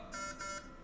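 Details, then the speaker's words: Repeated steady electronic high-pressure alarm tones from a Belmont rapid infuser running at 220 mL/min; a deliberate demonstration, triggered by closing a roller clamp to simulate a blocked patient line. "but this is probably one of the most common alarms you're going to run into so it says high pressure detected check patient line for blockage"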